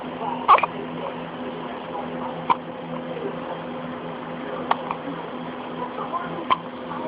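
Four brief, abrupt throat catches about two seconds apart over steady room hum, typical of hiccups.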